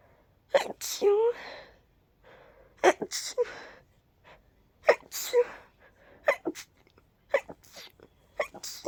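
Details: Person sneezing several times in a row, deliberately ending each sneeze with "choo", some voiced as a drawn-out "achoo", with short quiet gaps between.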